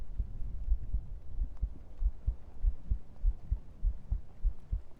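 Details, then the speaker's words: An adult's heartbeat recorded through a close microphone during an ASMR stream: steady, soft, low paired thumps with faint hum; normal heart sounds. "Okay, I think it's time for heartbeat. It's quiet."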